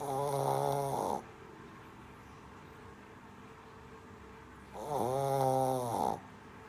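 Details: Sleeping Shih Tzu puppy snoring: two long, buzzing, slightly whistling snores a few seconds apart, with quiet room noise between them.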